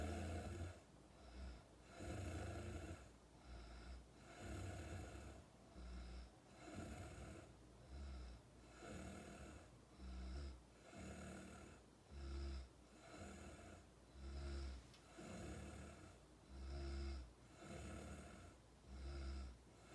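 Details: Steady, regular rattling snores at about 27 breaths a minute, each a low vibrating rumble with a softer breath between; a Nepali person snoring in America.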